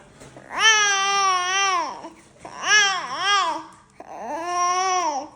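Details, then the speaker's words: Newborn girl crying when tired: three drawn-out, moaning cries, each rising slightly then trailing off, in a quiet room. A sleepy, tired cry. "yawning, closing the eyes, trying to sleep, unable to get themselves to sleep, because again, babies can't put themselves to sleep."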